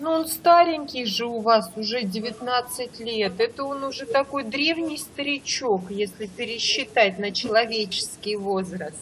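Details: Adult woman speaking Russian; no speech disorder.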